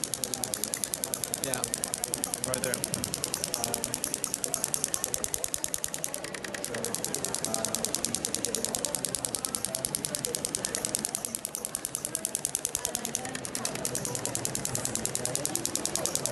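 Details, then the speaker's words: Shockwave therapy (ESWT) applicator over a tight region of an uninjured Olympic athlete, working 90 degrees to the fibres at lower frequency and energy 1.3: rapid, steady clicking about three per second, faint background talk. "so yeah I'll probably work here but I work 90 degrees to the fibrous like this this motion here lower frequency lower the energy to 1.3"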